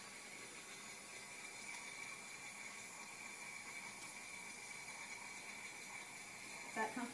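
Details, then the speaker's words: Steady, even hiss of gas and mist from a large-volume jet nebulizer with large-bore tubing, aerosol mask, water trap and humidifier, delivering sterile water aerosol to a sitting, post-surgical patient in an acted respiratory therapy demonstration; normal operating sound. "Equipment needed: large volume jet nebulizer, large bore tubing, aerosol mask, water trap, humidifier."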